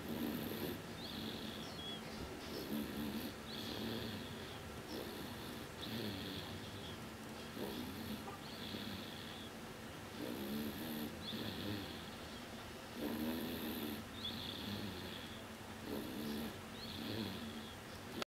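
Repeated rough, rattling breathing sounds about every 1.5 seconds, with a steady background hum: snoring.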